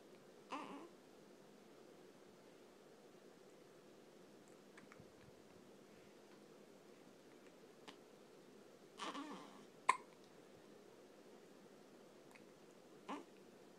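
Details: Hiccups: a few short, abrupt breathy catches spaced several seconds apart in a quiet room, with a slight smile at the beginning and end.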